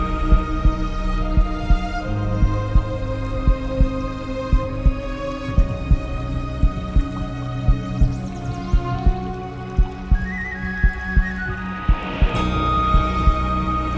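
Steady low thumps at about 57 a minute under calm orchestral music; a slow, regular heartbeat sound effect.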